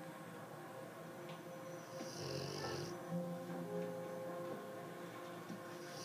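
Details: 9-month-old English Mastiff sleeping on his back on a couch: soft, rough, loud snoring breaths, partly masked by background music; snoring.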